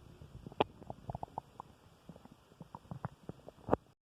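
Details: Male's stomach growling (borborygmi) after dinner, recorded by his friend.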